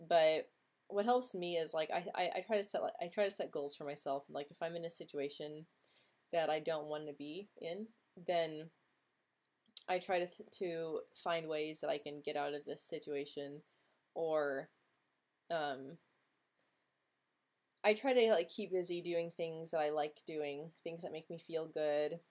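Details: Woman who has stuttered since age 9 or 10, quite disfluent this week, reporting blocks and tension in jaw, mouth and tongue; stuttering.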